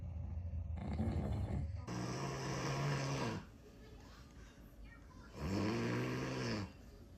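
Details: Father snoring while babies react: loud, rattling snores on inhalation, two long bursts with quieter breathing between.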